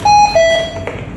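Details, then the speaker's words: Two-note descending electronic alarm tone from a HAMILTON-C3 ventilator during a hospital staff training session, a low-oxygen alarm as its limit is discussed and lowered. "Oksigen rendah ini biasanya batasan alarmnya ya. Turunkan aja."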